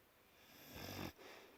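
A single soft, low snorting breath that swells and stops abruptly over background hiss; a snore from a sleeping dog.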